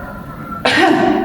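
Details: After quiet breathing, one forceful deliberate cough burst from an elderly patient with COPD and ineffective airway clearance, sitting and doing the effective cough technique after three deep breaths held two seconds and breathed out through the mouth.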